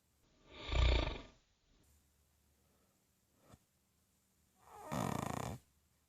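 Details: An adult woman snoring in her sleep in the middle of the night, said to be getting worse: two loud, deep, rumbling snores several seconds apart with quiet breathing between them.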